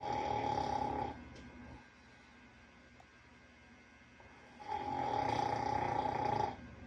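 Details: Two long, buzzing snores with a steady nasal tone and a quiet stretch between them from a sleeping dog, recorded after the dog had been run over by a truck; snoring.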